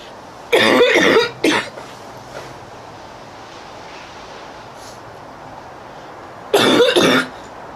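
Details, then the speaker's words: Two harsh bouts of several quick coughs separated by quiet, from a girl coughing outdoors who struggles to catch her breath and blows her nose; repeated coughing fits. "My neighbors really hear me cough. My grandmother cough like and I just bring it on myself."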